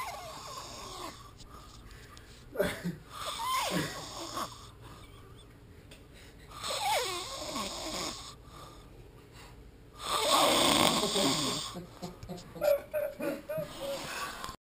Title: Snoring through Tacos and Drugs